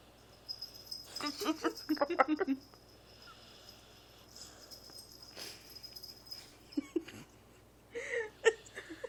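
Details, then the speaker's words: A dog snoring, still snoring with eyes open after being woken: irregular bursts of nasal, wheezy snorting between quiet pauses, with a faint steady high tone behind. "Oh, we woke her up. She's still fucking snoring. She's snoring with her eyes open."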